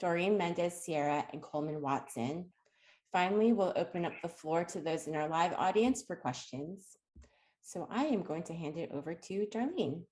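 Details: Adult woman speaking; normal speech.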